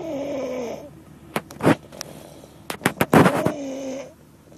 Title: Snoring baby